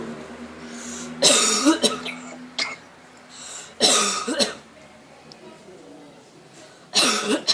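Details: Parrot on holiday in Zante mimicking people's coughs after hearing them: three bursts of harsh, raspy cough-like sounds; imitated cough, not illness.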